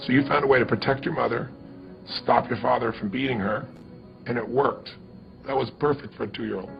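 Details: Adult male speaker; normal fluent speech.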